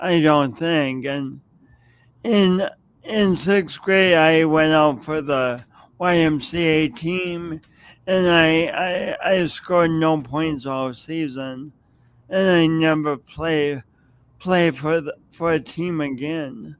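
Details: Speech impediment in an adult man who has lived with it for many years and says everyone hears it whenever he speaks.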